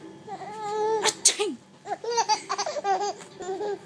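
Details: Simulated sneeze: an adult's imitated sneeze in two sharp bursts, followed by giggling laughter from a four-month-old baby boy.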